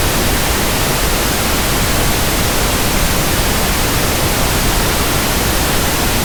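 Steady, even hiss of soft static without change, a pink noise sample used to match the sound of persistent tinnitus.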